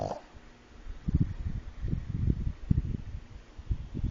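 Low, irregular snorting and rumbling breath sounds from a sleeping flat-faced dog, typical snoring from a narrow airway.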